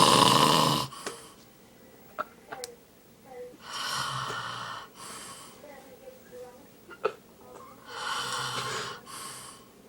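Harsh, noisy snoring breaths recurring every few seconds, with quieter snorts and clicks between them.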